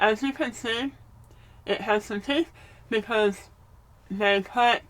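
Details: Adult woman with stage 4 adenoid cystic carcinoma, treated with surgery, radiation and gamma knife, who has no hard palate and is speaking with her palatal obturator removed: hypernasal speech (palatal defect).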